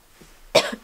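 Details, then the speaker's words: Single abrupt throaty dry heave (near-vomiting retch) from a woman in early pregnancy, weeks 5–8, with sudden nausea while filming; she suspects hunger, having eaten about 2.5 hours earlier. "that was crazy timing to it for me to be like talking about not having nausea and then to like almost throw up"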